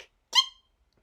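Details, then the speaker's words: One brief, high-pitched, squeaky sneeze from an adult woman reading an audiobook aloud, which she says is how she normally sneezes: sneeze. "Sorry, sneezing. Yes, that's how I sneeze. I know it sounds like I stepped on a mouse, but anyways, thank you, Mother, for this weird sneeze."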